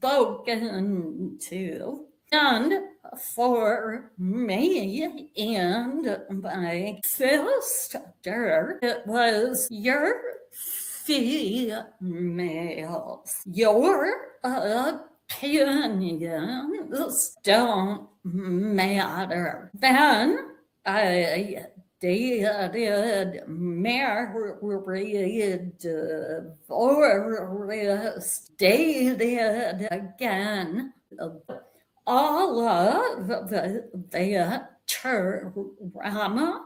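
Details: Vocal tremor in an adult woman, which she attributes to more than 50 years of narcissistic abuse and trauma that began at age five with her father and continued through abusive relationships; a real, not acted, condition.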